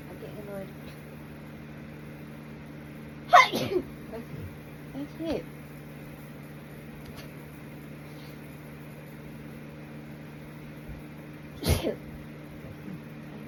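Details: Two sharp sneezes from a girl, several seconds apart, each followed by soft voice sounds, over a steady hum of room noise; sneezing.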